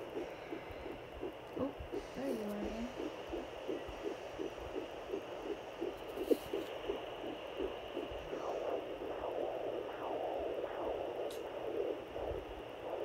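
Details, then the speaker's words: Fetal heartbeat on home Doppler at 10 weeks 4 days of pregnancy, found just below the belly button after several attempts as the baby kept moving: rapid, regular whooshing pulses, about 160 a minute, sounding healthy. "Okay, as you can see, he's right below my belly button. Sounding very healthy."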